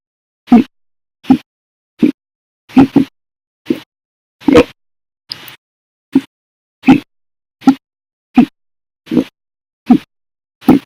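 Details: Audio-only recording of hiccups after meals: fourteen sharp, loud hiccups in about eleven seconds, roughly 77 a minute, slightly uneven pace; persistent hiccup bout.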